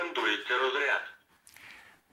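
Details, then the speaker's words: Training defibrillator on a first-aid demonstration, rhythm analysis done with nobody touching the patient, voice announces shock advised after detecting a fibrillation rhythm, then charges. "сказав рекомендується розряд це означає що він проаналізував серцевий ритм виявив фібриляційні ритми і рекомендує їх забрати"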